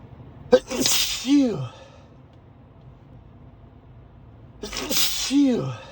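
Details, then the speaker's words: Two forceful sneezes, each a sharp intake then an explosive burst, over quiet car noise, while driving to work; allergy sneezing the person blames on a high pollen count despite daily allergy medication. "Sometimes I start sneezing [clears throat] [snorts] at the parking lot at my job, [snorts] but today they decided to start early."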